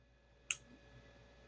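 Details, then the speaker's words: Single TMS (transcranial magnetic stimulation) pulse at turned-up intensity, delivered over a volunteer's head in a live demo: one sharp click as the coil's stored charge fires, producing a thumb movement and facial twitching. "And then I press the button, makes a little clicking noise, and then it gets your muscles to move."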